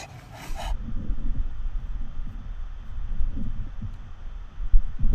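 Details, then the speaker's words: Brachycephalic dog, BOAS grade 0, after exercise, recorded with a digital stethoscope: soft, low, rapid breathing, clean and clear with no snoring or stridor; normal upper airway breath sounds. "이건 그레이드 0 인 환자 동영상을 먼저 보시겠습니다 기다려야 돼 38 래스팅 상태죠 거의 소리가 안들립니다"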